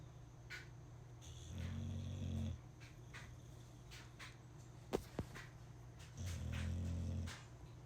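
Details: Sleeping boxer dog snoring: two low, rumbling inward snores about five seconds apart, with a brief snort between them.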